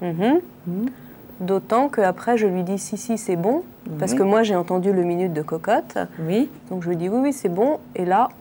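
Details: Adult woman speaking French; Normal speech.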